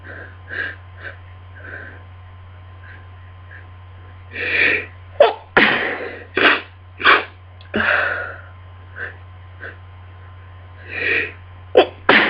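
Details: A run of repeated explosive sneezes with sniffs and breaths between them: a sneezing fit during a miserable cold.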